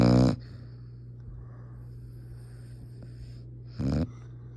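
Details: Sleeping individual snoring: short, rough snorting breath sounds about four seconds apart over a steady low hum.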